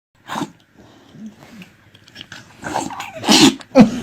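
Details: Dog sneezing several times in short, sharp sneezes with soft snuffling between them.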